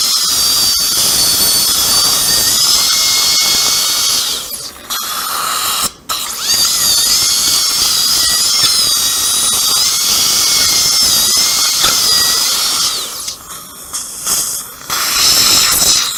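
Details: Continuous high-pitched dental drill whine with water spray, pitch shifting under load, with brief pauses: a diamond bur cutting an upper second molar for immediate implant placement with no sound bone under the sinus floor.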